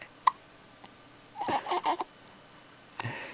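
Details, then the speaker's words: Infant with hiccups who also smiles: brief, sharp hiccup-like catches with soft infant vocal sounds in a quiet room. "where's Daddy there he is have you got the hiccups have you got the hiccups oh are they annoying hiccups sorry"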